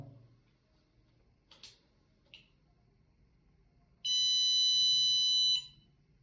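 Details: Standalone capnography monitor powering on in a field-medicine demonstration: a couple of faint clicks, then a steady high electronic beep lasting about a second and a half.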